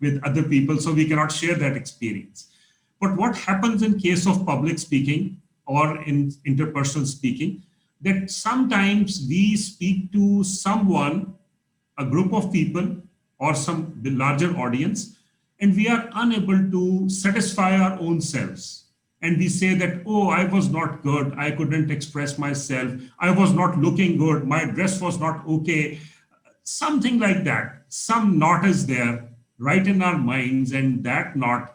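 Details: Adult man speaking; normal speech.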